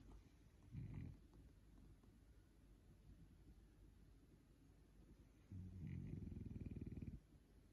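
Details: Snoring: low vibrating rattles on the breath, a short one then a longer fluttering one, over a steady background hum.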